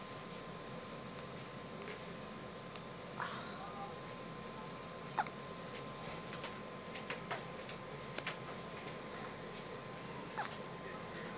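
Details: An infant's first hiccups: soft, brief squeaky hiccups, about five or six over eleven seconds at irregular intervals, over steady hiss and a faint constant whine.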